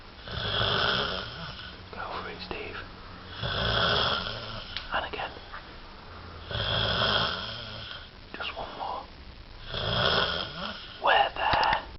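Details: Person asleep: loud, rough, vibrating snores about every three seconds, roughly 19 a minute, with faint room sounds; snoring in sleep.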